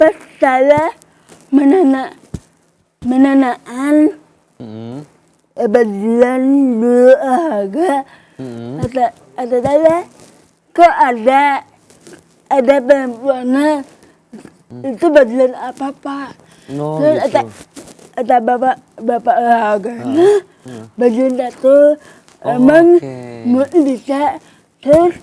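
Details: Young adult woman with cerebral palsy, a disorder of muscle movement and coordination from abnormal nerves; delayed speech, writing only at primary school, began speaking in junior high after therapy with her mother; dysarthria (cerebral palsy).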